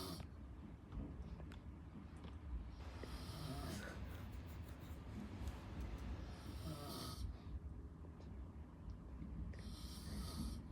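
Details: An adult man (a father) casually snoring: rough, low, rattling snores with breathing noise between, recorded at close range in a quiet room.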